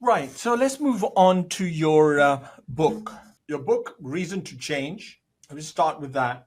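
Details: Adult man speaking; typical speech.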